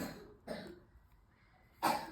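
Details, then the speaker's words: Three short, dry cough bursts from the crocheter's daughter, who is unwell today, heard in the background of a quiet room; coughing child. "Aí você vai, peço perdão, meus amores, por pelas pela tosse. É minha filha, não tá muito legalzinha hoje, mas né, desconsidere esse barulho de tosse."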